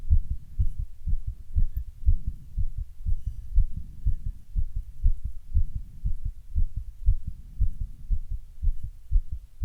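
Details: Own heart after a run with heavy breathing: fast, regular low thumping heartbeat about 120 per minute with breathing swells underneath; raised heart rate after exercise.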